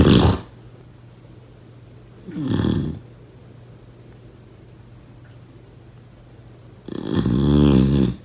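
Two loud, rough snoring breaths separated by a long quiet pause, one on a lower rattling pitch; ordinary snoring.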